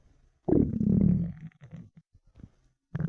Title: empty stomach rumbling 4 hours hungry